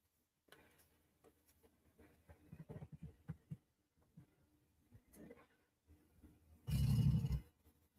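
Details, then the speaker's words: Large sleeping dog snoring: soft low snuffles, then one loud, rough snort-like snore as he snorts in his sleep. "Can you hear that? That was my dog snoring. The big dog snorting in his sleep."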